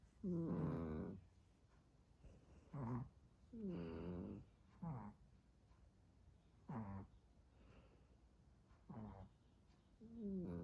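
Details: Two sleeping dogs (Chihuahua and Pomeranian) snoring together: rhythmic rumbling snores, about six in ten seconds, two differing snore sounds overlapping; ordinary dog snoring.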